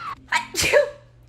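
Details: Celebrity sneeze from a compilation: a quick indrawn breath, then a single sharp, high-pitched burst of air; an ordinary sneeze.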